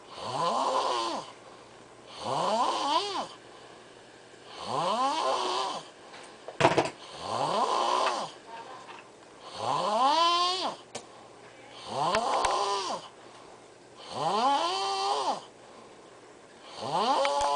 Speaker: It doesn't get old. It's like a weed eater.